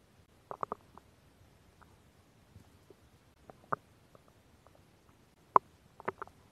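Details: Woman's stomach sounds recorded for ASMR: quiet gurgles and squelches at irregular intervals in a still room; ordinary stomach growling (borborygmi).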